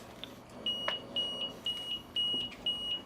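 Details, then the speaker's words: High-pitched beeps repeating about twice a second: a portable transport ventilator's high pressure alarm in assist control mode (volume 400, PEEP 5), with a full breath delivered at each patient effort; a sensitivity issue. "That's a high pressure alarm. Get it? Yep. So watch your sensitivity."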